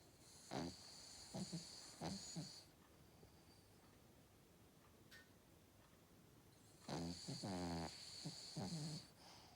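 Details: Sleeping Cavalier King Charles Spaniel: two bursts of rattling, snorting breaths with a gap between them; dog snoring.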